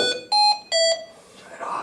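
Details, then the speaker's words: Three short, shrill electronic tones in a repeating pattern: an active alarm on a Hamilton T1 portable ventilator during a staff in-service training session, later identified as a pressure limitation alarm. "All right, so I got this alarm going off. What do I do?"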